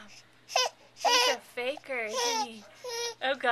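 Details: 3-month-old baby boy startled by a sneeze: brief infant cries with voiced wails, broken by short pauses; crying after a sudden fright.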